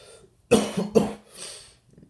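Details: Person ill with a very bad cough, rashes and runny nose, not feeling well: two harsh, forceful coughs in quick succession followed by a breathy exhale. Cough.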